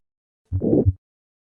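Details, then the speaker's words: Aortic stenosis with calcified aortic valve, heard at the apex after the second right intercostal space: rough systolic murmur keeping its late-peaking shape, mimicking mitral regurgitation; Gallavardin phenomenon. "on occasion this apical murmur has been mistaken for mitral regurgitation however careful auscultation reveals that the murmur retains its characteristic late peaking shape at the apex"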